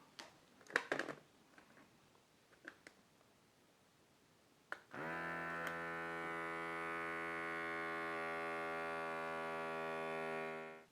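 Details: Omron RS1 automatic wrist blood pressure monitor: soft clicks and rustles, then steady motor whine as cuff inflates; reading 124/79, heart rate 77 bpm.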